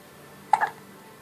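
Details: Infant, 3 weeks old, with hiccups: a single brief, sharp catch of breath in a quiet room.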